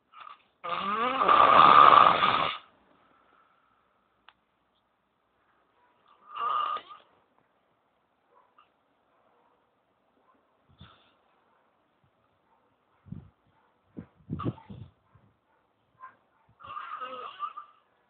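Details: Snoring: a loud rattling snore, then several softer snoring breaths and snorts spaced a few seconds apart, in a quiet room.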